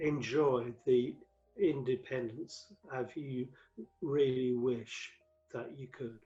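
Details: Adult male stroke survivor, five strokes between 2007 and 2015; the 2013 stroke left him paralysed with aphasia affecting word fluency and vocabulary retrieval; aphasia.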